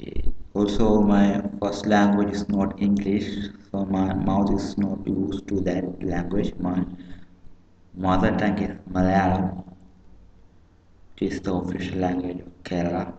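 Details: Stuttering in an adult man who says he does not always stammer; his first language is Malayalam and he is speaking English.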